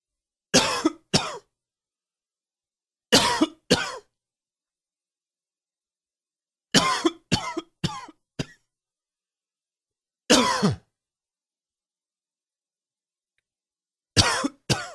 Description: Hope you enjoy this little coughing fit.